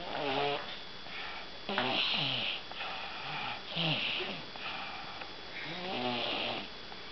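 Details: Rattling, buzzy breath sounds repeating about every two seconds in a small room; snoring.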